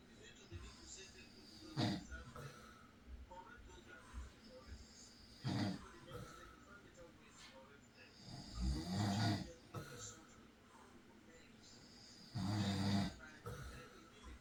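Intermittent low snorting snores, roughly 16 a minute, against faint background noise; snoring during night sleep.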